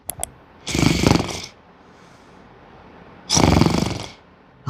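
Two long, rattling, fluttering snore sounds, imitated by a person rather than produced during sleep.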